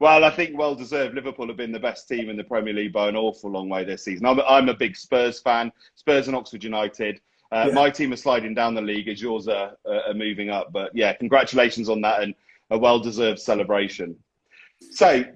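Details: Adult man speaking; ordinary speech.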